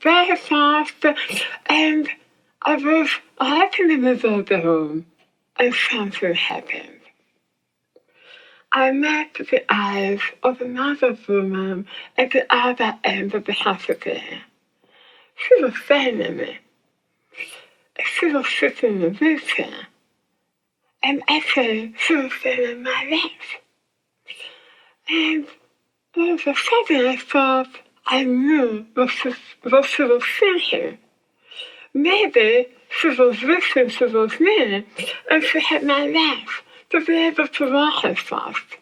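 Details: Articulation disorder in a woman after glossectomy for squamous cell tongue cancer, with the tongue reconstructed from abdominal muscle. Her speech became hard to understand afterwards.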